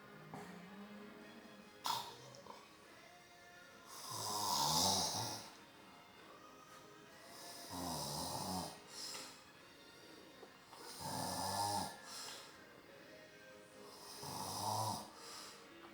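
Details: Stepfather asleep in front of the TV: loud, rattling snores about every three to four seconds, roughly 19 a minute, music in the background.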